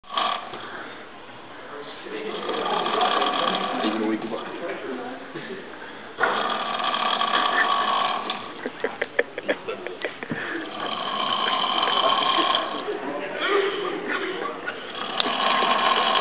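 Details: A sleeping adult man snoring loudly in a university library at 1 a.m. during exam study, heard across all three floors; repeated rough, buzzing snores with nearby chatter and laughter.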